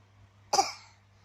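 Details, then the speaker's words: A single short, loose cough from a young child who has a fever and a runny nose (cold), with quiet room hum around it; cough. "Batuk ya, pilek ya. Cepet sembuh ya, anak soleha."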